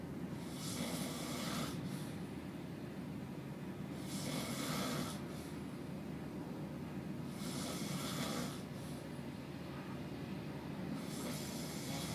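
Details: Adult co-worker asleep: soft, noisy rasping snoring breaths every three to four seconds against a steady low hum.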